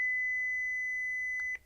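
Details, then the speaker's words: Philips HeartStart OnSite AED demonstration: a steady high electronic tone ending in a brief click as the shock is delivered, followed by the voice prompt that it is safe to touch the patient. "shock delivered be sure emergency medical services have been called it is safe to touch the patient"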